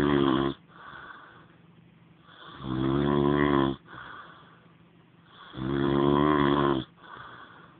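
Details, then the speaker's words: Adult man snoring loudly during sleep: rumbling snores on each in-breath with quieter out-breaths between, about 20 breaths a minute; heavy snoring. "Hey, you're snoring."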